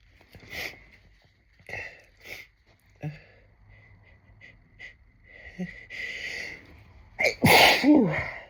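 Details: Big adult sneeze with a tickly nose: several soft sniffs and catching breaths build to one forceful sneeze near the end, with a brief voiced trail.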